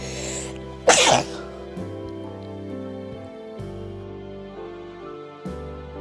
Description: In this video I do a close up of my nose while i make myself sneeze 👃🤧